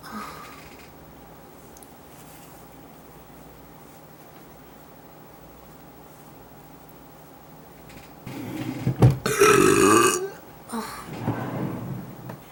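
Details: Girl burping while folding laundry in her room: quiet room, then a long, loud, rumbling burp followed by a shorter second one; belching.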